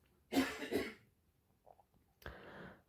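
An adult gives a harsh double cough followed shortly by a third cough in a quiet room; these are coughs during a cold.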